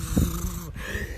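A brief, low, rattling snort, imitated, giving the deep snoring breath of an unresponsive person in opioid overdose.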